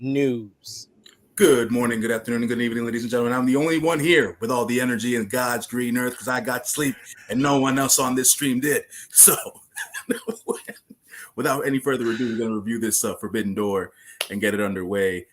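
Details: Adult male speaker; Normal voice.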